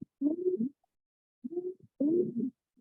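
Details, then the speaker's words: Child with croup, example sound in a pediatric respiratory emergencies lecture: three short, hoarse, crowing noisy breaths or cough sounds, distinct from wheezes, rhonchi or rales: croup. "so that's a very you know kind of different sound than we would hear with wheezing or wrong guy or rail so just um and there's also like a barking cough that um children often display when they have probe"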